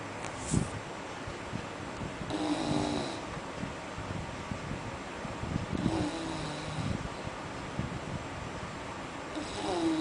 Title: snoring dog